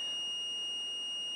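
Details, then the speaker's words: NICU neonatal defibrillation, device charged to 10 joules (2 J/kg for a 5 kg baby): steady, high-pitched continuous charged-and-ready alert tone before the shock. "and we're going to push charge and this is the point where we're looking at our patient"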